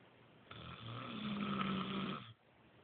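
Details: Man snoring: one low, vibrating snore on the in-breath, lasting under two seconds, against quiet room hiss; snoring.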